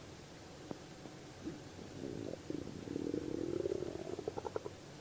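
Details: Gurgling bowel sounds on abdominal auscultation of adult male patient, listened to after palpation and percussion at the end of an abdominal exam.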